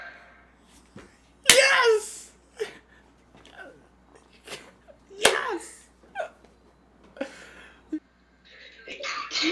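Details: Girl's stifled sneezes: two sharp, explosive bursts, each with a quick breath before it, amid brief voices and handling noise.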